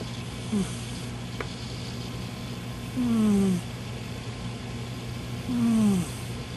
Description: Gizmo, the snoring cat. he only does this sometimes